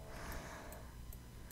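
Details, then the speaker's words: A quiet, steady low engine-like rumble with faint ticking in the background: a female dog snoring beside the speaker. "Et Alors au cas où, je sais pas si vous entendez un bruit de ronflement, mais vous inquiétez pas. J'ai récupéré une chienne qui ronfle. Elle est juste à côté de moi, donc voilà, ça fait un bruit de moteur."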